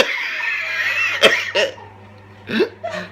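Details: Person with uncontrollable reverse hiccups lasting 20 minutes to an hour, unrelieved by usual hiccup fixes, not drunk or on drugs, laughing: sharp, brief voiced exhalation bursts recurring irregularly; involuntary repetitive exhalations.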